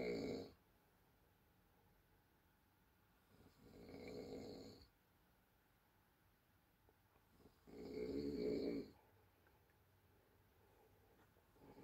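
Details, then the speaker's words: Woman sleeping after New Year's, reportedly snoring for two days, heard from another room: loud, rough snores recurring with each in-breath, about 15 a minute, in a quiet room. "sıç gördünüz o horlu ya sıç nin gibi geli marik niye gacı kılına girdiğini Şimdi anladım hiçbir gacı onun horlamasına katlan onla evlenmez şimdi çözdüm olayı"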